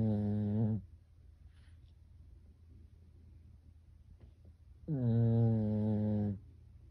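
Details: Pekingese dog snoring like a person while asleep: two long, droning, buzzy snores separated by a quiet pause.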